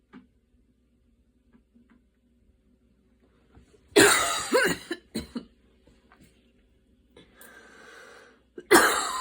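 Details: Adult's evening asthma cough after walking and running outside in rain, breathing intense, inhaler used; quiet stretch, then a harsh cough burst with a short follow-up cough, a rough noisy breath, and another cough.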